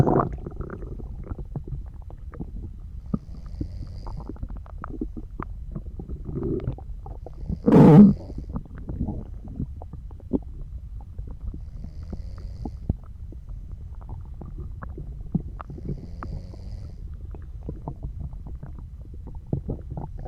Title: Soft Snoring and Digestion Sounds